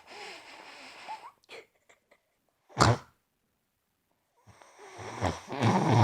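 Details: Sleeping female dog that had been snoring heavily: snuffling breaths, then a sharp explosive burst and snorting noises; a dog's sneeze.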